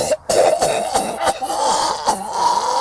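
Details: Deliberate, forced cough performed for a joke coughing contest, not illness: rough, throaty cough repeated in a few loud bursts, followed by mention of a little phlegm coming up; voluntary cough.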